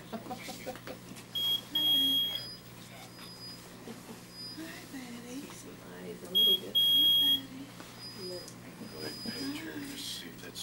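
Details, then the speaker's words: Two bursts of high, steady electronic beeping over quiet room noise and soft voices in a newborn baby's hospital room: an infusion pump alarm; family suspects the pump is not plugged in, battery light on. "I'd call them about that because that shouldn't beeping suppose it's not plugged in the battery light's on now"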